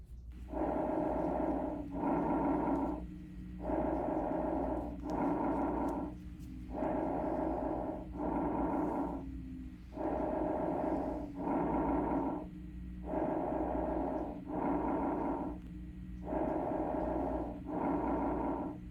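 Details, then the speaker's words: Normal bronchovesicular breath sounds from a reference recording, heard over parasternal and parascapular areas: medium pitch between bronchial and vesicular, inspiratory:expiratory ratio about 1:1, about eight breaths a minute. "These sounds have a pitch somewhere between the bronchio breath sounds and the vicular breath sounds you've already heard. The inspatory expatory ratio is approximately 1 one."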